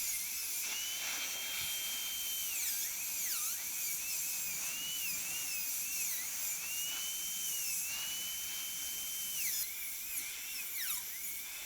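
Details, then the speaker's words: Dental drill with diamond bur and hissing water spray, whine rising and dipping as it reduces the inner functional cusp, gold onlay preparation of tooth #18 on a typodont in a dental school simulation lab. "so now i want to move inside and do the same thing so we'll use our diamond for this part"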